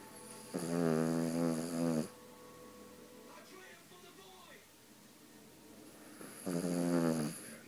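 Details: Two long, buzzing, vibrating snores about five seconds apart with faint room sounds between, from a sleeper worn out after a tiring day; snoring.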